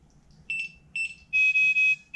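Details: Repeated high-pitched electronic beeps, two short then a longer run, as expected from a transport ventilator alarming at power-up during EMS training, set up for an adult patient; the alarm is then silenced.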